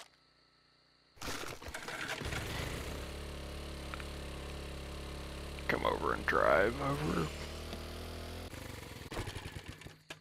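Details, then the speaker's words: A single loud adult sneeze during a gaming session, followed by "Excuse me." "Excuse me. Damn. That was a bit loud. That sounded as I'm known for having pretty loud sneezes."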